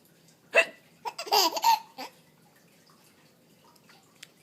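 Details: 4.5-month-old baby gives a sudden hiccup followed by a burst of giggling laughter at mom's fake hiccup.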